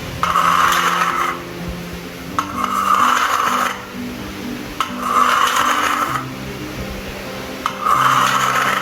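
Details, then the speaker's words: Wheezing lung sound recreation: repeated breaths carrying a steady high-pitched whistle, heard on inspiration or expiration, indicating narrowed airways or obstructed airflow, as in COPD. "the wheezing sound this high-pitched whistling noise can happen when you are breathing in or out it's usually a sign that something is making your airways narrow or keeping air from flowing through them"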